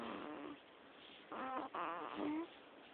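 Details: Soft buzzing, fluttering breath noise during sleep with a few brief snores in quick succession; light snoring.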